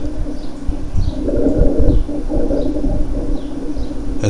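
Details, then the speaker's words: Cavernous rales (large-bubble gurgling) in a teaching recording: resonant, low, coarse bubbling like blowing through a straw into water, from a lung cavity; linked to a history of possibly active tuberculosis. "vamos a escuchar estos sectores cavernosos o gorgoteo o de grandes burbujas escuchan un ruido resonante"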